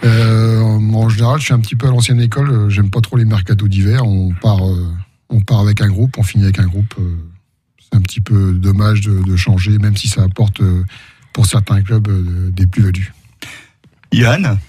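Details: Adult man speaking French; typical voice.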